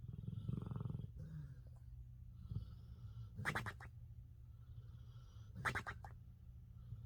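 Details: A pet napping very deeply gives low rumbling snores with sharp fluttering pops as its lips flap on the breath out; snoring with lip-flapping.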